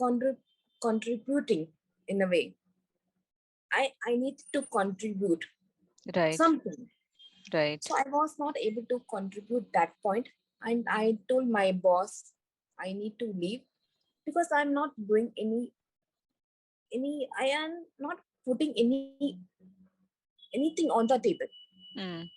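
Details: Recovering global aphasia in a woman after a stroke on an Everest base camp trek about four years earlier, initially unable to speak, read, write or spell; language relearned through speech therapy.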